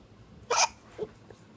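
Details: Young child with hiccups, recorded 6/27/15: a single sharp, abrupt hiccup with a quieter catch after it, in a quiet room.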